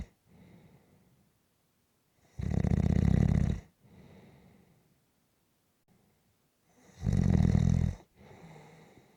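Two loud rattling snores on the in-breath, each followed by a softer out-breath, about 13 breaths a minute; snoring.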